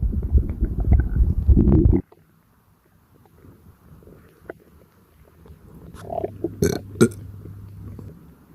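A long, loud, low burp, then quieter gurgles and brief rumbling from an active, bloated stomach during digestion.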